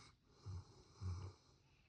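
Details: Sleeping Labrador dog: two soft, low rumbling snores in a quiet room.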